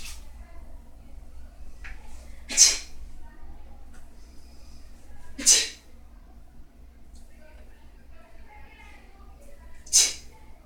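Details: Person in a bedroom holding a laptop, looking in a mirror: three sharp, explosive sneezes a few seconds apart over quiet room hum; sneezing.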